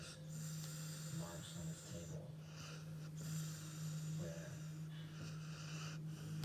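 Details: Female dog snoring while asleep with her eyes open: steady low rumbling snore with snorty breaths, partly covered by household background noise.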